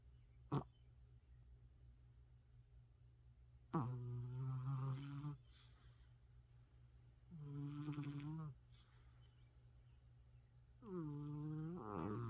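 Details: Loud, low, rattling snores recurring every few seconds, each a rough vibrating drone; heavy snoring.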